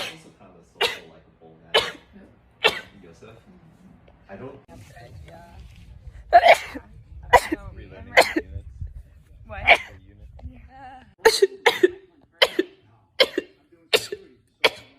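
A run of about thirteen short, sharp sneezes at irregular intervals, some close together, with brief low rumbling noise in between.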